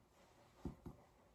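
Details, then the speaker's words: Resonant percussion note over both lung fields, chest percussed in a ladder pattern at the mid-axillary line with arms raised; no dullness or hyper-resonance heard, a normal resonant percussion note on thorax examination. "and i hear that that all his lung sounds are resonant i don't hear any dullness or hyper resonance"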